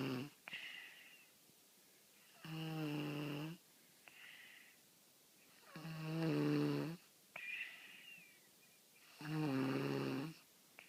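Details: Four-year-old "baby boy" snoring in sleep, likened to an old man: loud, regular rumbling snores on each in-breath, softer whistling out-breaths, about 18 breaths a minute.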